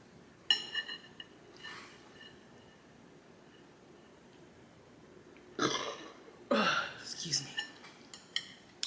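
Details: Adult eating black bean noodles and ramen on camera gives a few loud burps, then a brief spoken apology; ordinary belching after eating.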